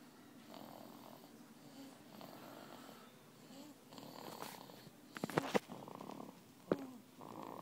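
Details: Baby snoring: soft, irregular rattling breaths with a couple of brief snorts; light infant snoring.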